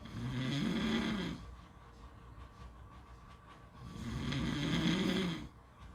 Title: Beach snoring sounds